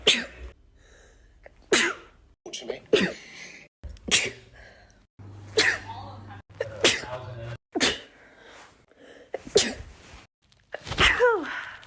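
A series of sharp, explosive sneezes, about ten, some with a voiced 'achoo' and brief room noise between them.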